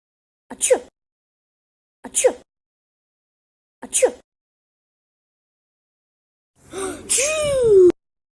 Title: 256000 Sneeze